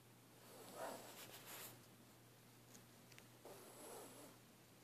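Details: Sleeping dog with a peaceful face gives two soft, rasping snores about three seconds apart over a low steady room hum; ordinary snoring.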